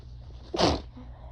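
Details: Sneeze from a tired, slightly feverish, stressed person at ragweed season onset, possibly getting sick, one of four clips from the same fit: a single sharp sneeze burst over quiet room noise.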